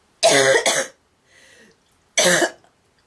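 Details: Loud, harsh honking coughs from a girl: a double burst, then a quiet in-breath and one more, goose-like honking cough.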